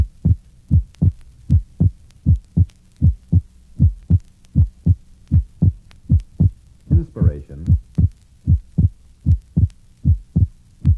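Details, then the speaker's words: Normal subject, recorded at the pulmonic area: the second heart sound splits widely on inspiration and becomes single on expiration, physiological splitting. "listen to a normal subject with splitting of the second heart sound at the pulmonic area you will note that on inspiration splitting is wide and an expiration a single heart sound is heard"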